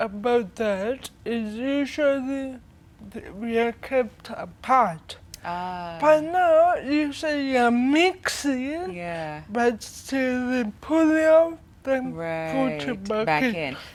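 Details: Dysarthria in a 25-year-old woman with cerebral palsy from brain damage due to lack of oxygen at birth during prolonged labour, affecting leg and hand movement, coordination and speech.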